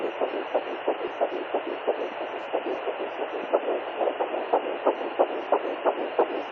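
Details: Fetal heartbeat at 9 weeks 1 day on a fetal Doppler: rapid, regular whooshing pulses at about 180 beats a minute.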